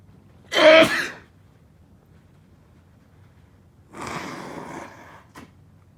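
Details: One sharp, explosive sneeze followed by a longer rushing exhale like a nose blow, in a quiet room: sneezing fit with nose blowing.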